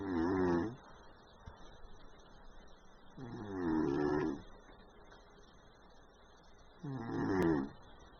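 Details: Orange cat snoring during an afternoon nap: three slow, rattling inhaled snores about 3.5 seconds apart, quiet between them.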